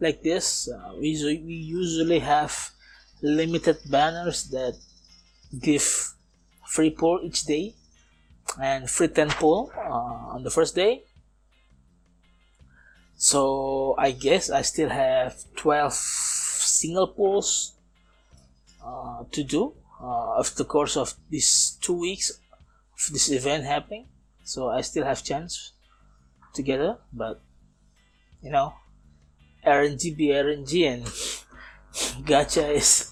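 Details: Man aged nearly 31, a non-native English speaker, who says he still stutters and that it is audible in this recording; stuttering.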